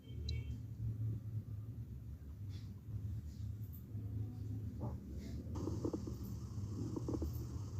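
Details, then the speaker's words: Teaching example of lung auscultation: coarse crackles, low rumbling breath sounds with scattered bubbling pops, caused by secretions or fluid in the airways. "Este sonido se debe a secreciones o líquido dentro de la vía aérea."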